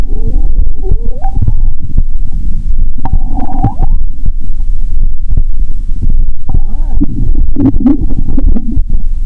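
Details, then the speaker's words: Bowel sounds (borborygmi) heard by stethoscope near the heart: loud low rumbling with gurgles and rising squeaky tones. "Bạn có thể nghe thấy âm thanh của dạ dày ngay cả khi ở gần tim."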